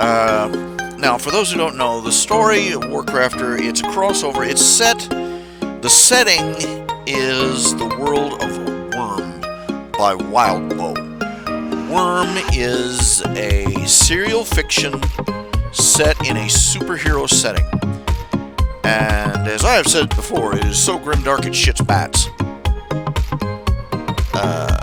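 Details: Man who says he stutters all the time and is having difficulty explaining his point; stuttering.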